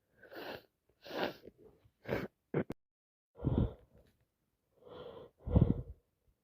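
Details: Person with a wet head cold: several wet, explosive sneezes in quick succession with short pauses.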